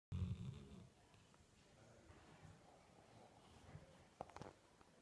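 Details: Sleeping Labrador snoring: a single low, rumbling snore at the start, then quiet breathing and faint room noise.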